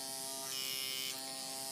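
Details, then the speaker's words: Microneedling pen on a client's face, depth lowered to 0.25 around the forehead and nose for a sensitive client; steady high-pitched electric buzz with a brief rise in loudness midway. "let's take it down to 0.25 okay so I'm going to take this I'm going to line it up 2.25 then make a little bit more noise"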